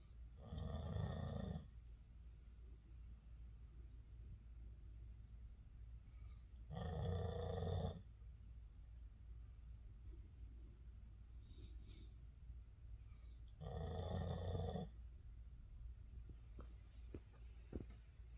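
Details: Snoring: three loud, rough snores about six seconds apart, roughly ten a minute, over a steady low room hum.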